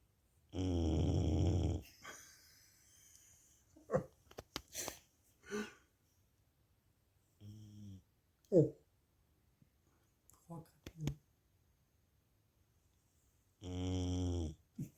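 Loud, rough, low snoring sounds, two long ones at the start and end with quieter snorts and sniffs between: a dog snoring.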